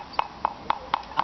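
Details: Five light, evenly spaced metallic taps during percussion of a horse's hoof wall, each giving a short dull knock: the normal solid percussion note of a healthy equine hoof.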